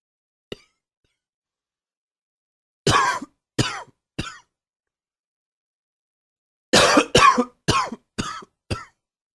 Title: Coughing 38